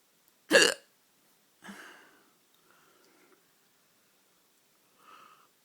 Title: Hiccups at night